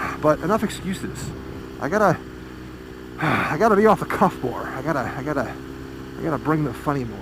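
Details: Man who says he stammers a little on a regular basis, repeating and mispronouncing words, partly attributed to his motorcycle helmet squishing his cheeks while talking; stuttering.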